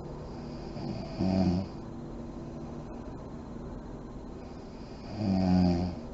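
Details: Adult woman (a mother) asleep with lights on, described as deep REM sleep: two low, rough snoring breaths about four seconds apart, roughly 15 breaths a minute, over room hiss; snoring.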